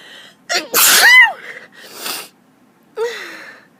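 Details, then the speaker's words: Young woman sneezing from allergies, nose itching: one loud, high-pitched sneeze with a quick in-breath before it, then a softer follow-up sneeze. "Oh, God. Still have to sneeze. Oh, my nose just itches really bad."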